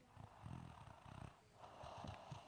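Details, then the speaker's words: Person asleep snoring: low, rough rumbling noises in rhythmic bursts with the breaths, in a quiet room. "Sıla mutlu bir vaziyette uyuyor. Günün yorgunluğunu atmaya çalışıyor şu anda. Bakın, horlama sesini dinleyin, dinleyin."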